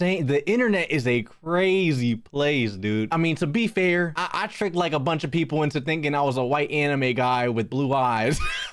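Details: Adult male speaker; Normal speech.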